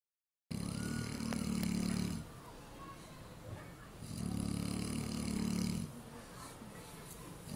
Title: Snoring piggy